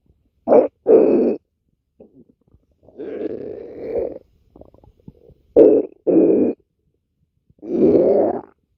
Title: stomach growling